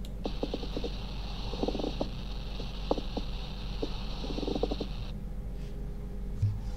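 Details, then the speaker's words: Pleural friction rub on chest auscultation in a pulmonary examination teaching demonstration: scattered creaking, grating bursts over a low rumble, played repeatedly. "here friction rub yeah once again yes once again once again third time please"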